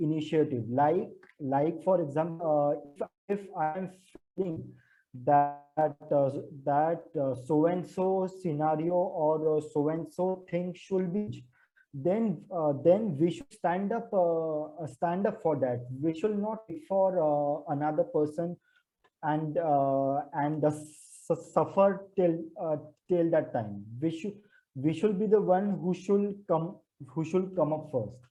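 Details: Man who stammers, with audible word repetitions; stuttering.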